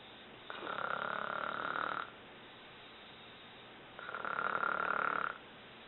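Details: Adult woman (a mother) snoring while asleep: two long, buzzing, rattly breath sounds separated by a quiet pause.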